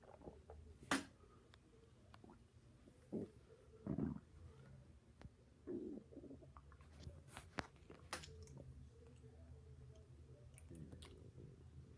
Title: My stomach growling